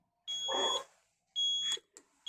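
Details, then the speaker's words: Zoll EMV+ ventilator in a training demonstration: repeated high-pitched electronic alarm tones because oxygen mix is set above 21% with no oxygen source connected; ventilator oxygen supply alarm. "hay que tener en cuenta de que si yo escojo un valor por encima del 21% siempre tengo que tener conectado la fuente de oxígeno o si no va a producir una alarma entonces aquí como no tengo conectado el oxígeno se va a producir una alarma el suministro de óxido"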